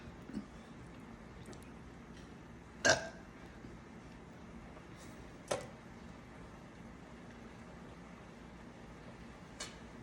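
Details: Woman burping on command for an audition request: three short belches spaced a few seconds apart in a quiet room, the last one soft.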